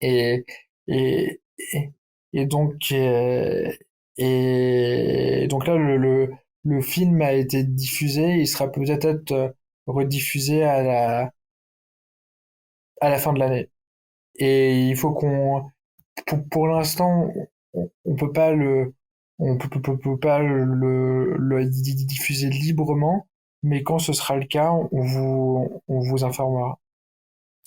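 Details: Speaker on a podcast about a public-speaking contest for people who stutter, with part-word and word repetitions in French; which guest is speaking is uncertain; stuttering.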